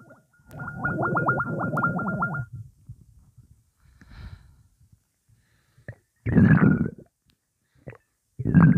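Long gurgling rumble with bubbly pops, then short watery gurgles, like fluid moving through the stomach; ordinary stomach rumbling.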